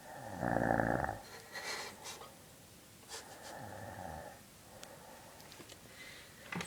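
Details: Adult woman snoring: a loud buzzing snore, then softer rattling breaths, with faint room sounds.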